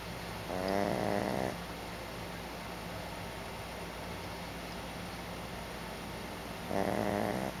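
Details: Two loud, rattling snores on breathing in, about six seconds apart, with quiet room noise between; adult snoring.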